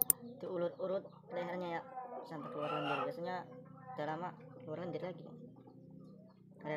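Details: Rooster (ayam jago) with sudden respiratory illness (ngorok/flu, coryza), possibly from cold rainy weather: its voice carries a wet, gurgling rattle suggesting mucus in the airway; being treated.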